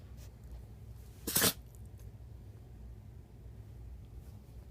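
A single sharp, explosive burst of air in a quiet room, a sneeze.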